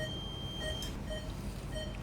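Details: Short repeated electronic beeps over operating-room hum: C-arm fluoroscopy exposure signal while positioning a guide wire through the coracoid during ORIF of a type 3 (possibly type 5) AC joint dislocation, male aged 55-60.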